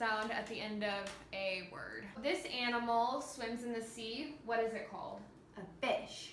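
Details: Adult woman (clinician); clinician speech.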